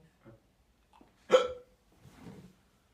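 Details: Simulated hiccup in a comedy sketch, a character hiccuping for a few hours: one sharp, voiced gulping hiccup between quiet breaths.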